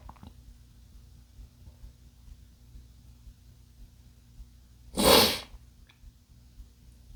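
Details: A single loud, explosive sneeze from a male after a quiet stretch, with low room hum in the background.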